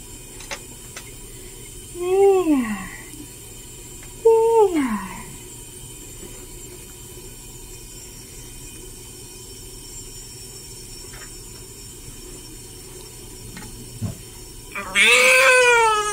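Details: A few high, falling cries with quiet pauses over room hum, then a louder cry, from a 13-hour-old newborn girl during her first hospital sponge bath, before her hair is washed; newborn cry.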